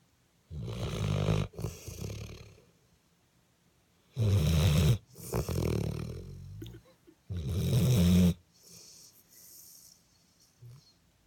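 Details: Dog snoring: low, throaty snores on each breath in with snuffly breaths out and silent pauses, about three cycles in eleven seconds.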